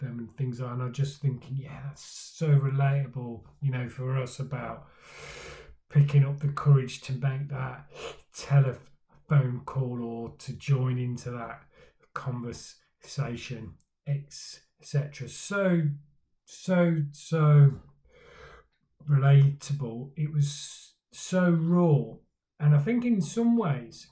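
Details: Male speaker who stammers, talking about his own stammering journey; stuttering (stammering).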